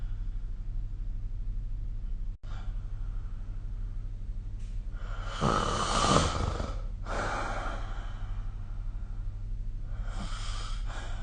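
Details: Snoring recorded with the SnoreLab phone app during sleep: loud snoring with bursts of snorting and gasp-like breaths over a steady low background hum.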